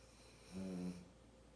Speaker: little snoring dog. Happy Mm. and very content.